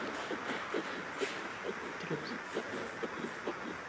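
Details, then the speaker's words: Rapid, regular whooshing pulses at about 130-140 per minute over ultrasound hiss: a fetal heartbeat at about 8 weeks of pregnancy after a previous miscarriage and some spotting, heart rate fast and growth on track for dates. "근데 다행히 주수대로 잘어 심장 박동수가 일단 빨라졌어 장난 아니에요"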